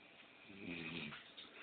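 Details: Dog snoring with one rough, buzzing breath lasting about half a second.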